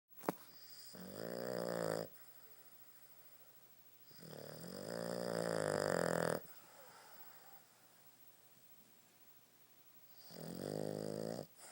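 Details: Three loud, rattling snores at irregular intervals about 4 to 6 seconds apart over a steady background hum; ordinary snoring.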